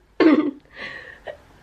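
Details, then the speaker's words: Person with cystic fibrosis who says they are tired of coughing gives a single harsh cough burst with a softer, breathy tail. "So basically, I am tired. I'm tired of coughing right now, and"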